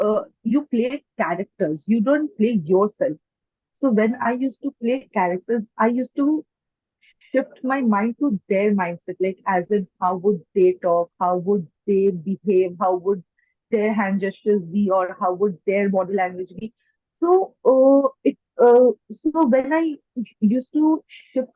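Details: Adult woman who stammers since age four, mainly blocks where she gets stuck and cannot bring words out, worse when nervous or self-conscious; stuttering.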